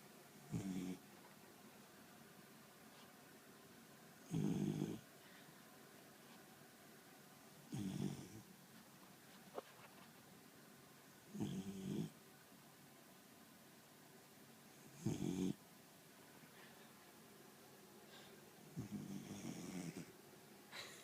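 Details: Dog snoring while asleep: a regular rumbling snore every few seconds, about 16 breaths a minute, in a quiet room.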